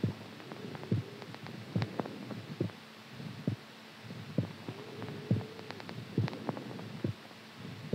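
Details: Strong, steady low heartbeat thumps at about 70 beats a minute over a faint hum, recorded during sleep; normal heartbeat.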